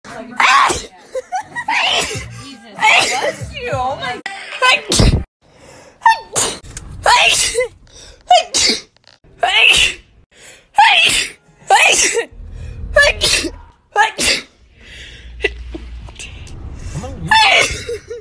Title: minute long sneezing comp